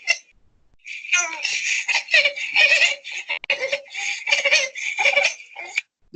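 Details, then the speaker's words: Child in a neonatal laryngeal disorders lecture: high-pitched, harsh noisy breathing on both inspiration and expiration, biphasic stridor, pointing to narrowing at or below the vocal cords, possibly a fixed obstruction. "This is a biphasic stridor. So we told you that anything in the vocal cord level and below could produce a biphasic stridor."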